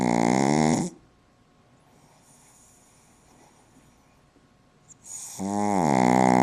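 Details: Shishka, a female pug, snoring: loud, rattling, tonal snores at the start and end with a quiet breath pause between; dog snoring.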